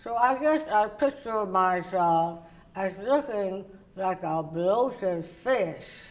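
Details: Woman, oral cavity cancer survivor treated with partial glossectomy and reconstruction followed by radiation; tongue does not reach the roof of her mouth and people have difficulty understanding her; articulation disorder after partial glossectomy.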